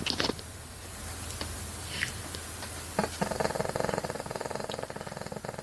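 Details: Cavalier King Charles Spaniel, a habitual loud snorer, snoring: fast, fluttering rattle with snorting noises, suggesting a narrowed upper airway.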